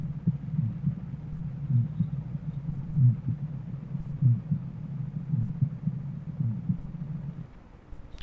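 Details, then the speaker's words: Slow regular heartbeat near 48 per minute with a soft, low whooshing ejection systolic murmur after S1: a simple innocent, physiological flow murmur. "فتشي فلو مرمر يسموه دا اتكلم على الانوسنت حاليا لان هذا انوسنت فتشي بسيط اوكي"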